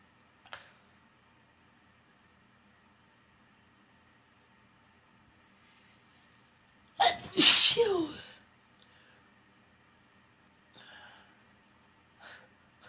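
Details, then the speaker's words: One forceful sneeze with a sharp intake before it, amid quiet breathing and small exhalations, followed by remarks on powerful sneezes. "Phew. Oh gosh. Powerful sneezes tonight. Holy cow."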